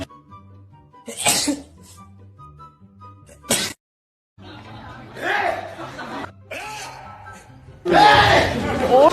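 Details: Several short explosive sneezes from adult BTS members between stretches of background music: sneezing.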